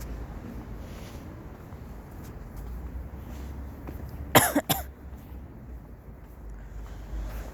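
Two harsh coughs in close succession over steady low vehicle-like rumble; a forceful adult cough.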